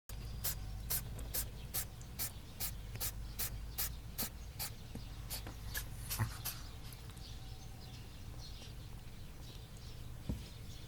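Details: Rabbit sneezing dozens of times, nose seemingly itchy: about fifteen small, sharp sneezes in rapid regular succession, then quieter sniffling; the rabbit was fine in the following days.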